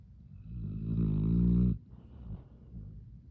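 Loud, rattling snore on the in-breath, then a quieter breathy out-breath; ordinary snoring in a sleeping dog.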